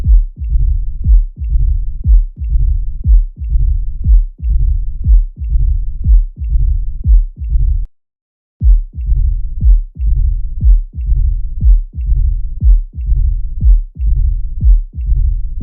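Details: Mitral stenosis: regular heartbeat near 60 a minute with an opening snap and a low mid-diastolic rumbling murmur filling the pause between beats.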